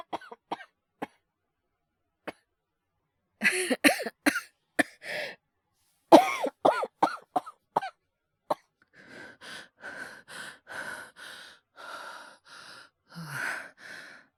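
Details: Acted cough voice by a male voice performer, all performed, no dialogue: a run of dry coughs and short coughing bursts, then quick breathy panting imitating hyperventilation; simulated coughing and rapid over-breathing.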